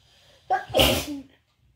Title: Wet and snotty sneezes!